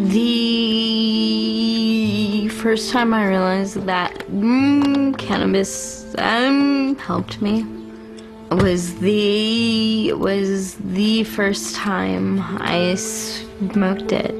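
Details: Adult woman with cerebral palsy from birth, most noticeably manifesting as a severe stutter, right side of body weaker than left; she says cannabis helps her speech; stuttering (speech disfluency) in cerebral palsy.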